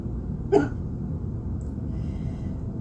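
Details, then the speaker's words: A single brief, sharp hiccup against steady low background noise, during a bad bout of spontaneous hiccups. "I had the hiccup so bad. I'm filming it."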